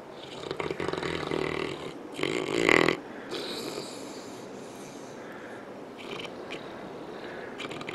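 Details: St. Bernard dog asleep on a couch, snoring with rough, rattling breaths that come and go over steady background noise.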